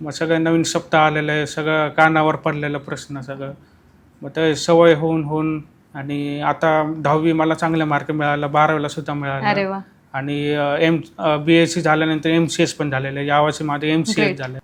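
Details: Young man born deaf with profound hearing loss found at age 2.5, who used pocket hearing aids with daily speech therapy, then received a cochlear implant at age 9; speech after congenital profound deafness with cochlear implant.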